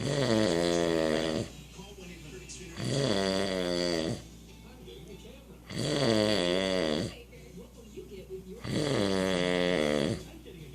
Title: The snore